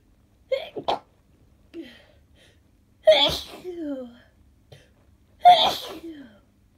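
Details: Sneezing fit on waking with a head cold, congestion, sore throat and headache: three sharp sneezes in quick succession.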